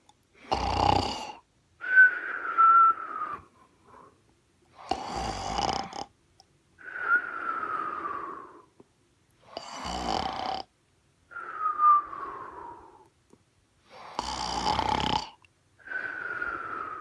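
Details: Imitation of snoring by an impressionist: harsh rattling inhalations, each followed by a whistling exhalation that falls in pitch, about four cycles; simulated snoring.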